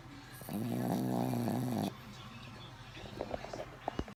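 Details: Sleeping Chihuahua puppy, dreaming: a single buzzy, wavering snore, then quiet breathing with faint clicking sounds, possibly teeth grinding.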